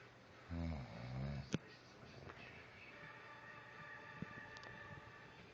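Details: Husband snoring during sleep: a single loud, low rattling snore on an in-breath, followed by quiet breathing and faint room noise.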